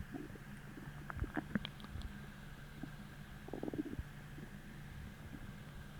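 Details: Stomach growling from hunger about twenty minutes after a deep, empty feeling, following a heavy, bloating dinner the night before: gurgling, squeaky growls in short bursts over a steady hum; normal bowel sounds.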